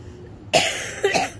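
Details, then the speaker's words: Adult woman who has been coughing a lot this week: two short, harsh cough bursts about half a second apart in a quiet room. "but i've been coughing a lot this week so i've been postponing changing rearranging things so that i don't have to talk so much"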